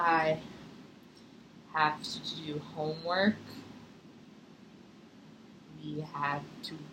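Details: Stuttering blocks in a therapy session; the clinician controls release of the stutter with a hand signal (pull-out/release technique).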